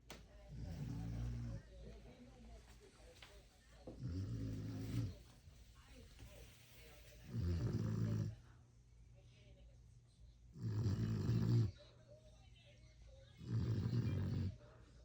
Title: Snoring Beagle